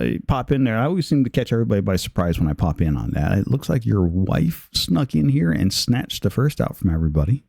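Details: Adult man speaking; plain speech.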